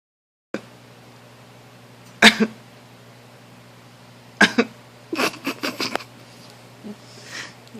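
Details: A father coughs near his sleeping 20-day-old baby: two separate sharp adult coughs, then a quick run of shorter coughs over a low room hum.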